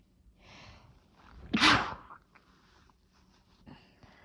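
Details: A single sharp, explosive sneeze after a brief intake of breath, in a quiet room.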